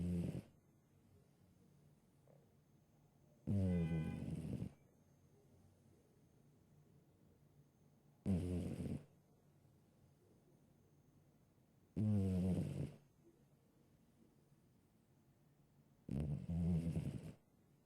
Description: Boy The Cat has always snored from when I first adopted him from the shelter